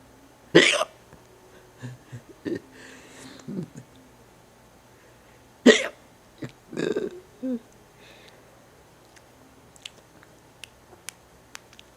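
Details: Person with hiccups: two sharp hiccup bursts about five seconds apart, softer throat and voice sounds between, in a quiet room.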